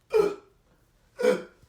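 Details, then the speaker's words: Person with hiccups, told to drink through an anti-hiccup straw: two abrupt, short voiced gulps about a second apart; hiccups. "sir are you good I got the hiccup here I have this thing right here just drink out of this straw it should help with your hiccups"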